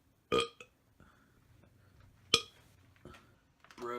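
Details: Belching in a belch montage: two loud, abrupt burps with short trailing bursts, then a quieter belch and faint voicing at the end.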